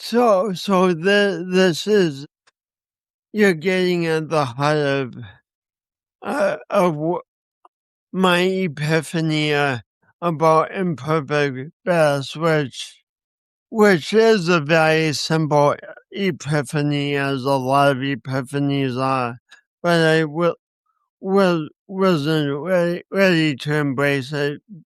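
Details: Man with a speech impediment accompanied by coordination issues, which he says he has not overcome; speech impediment.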